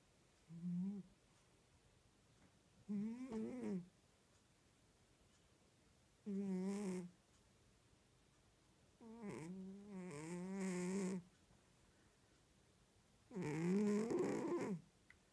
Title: Snoring cat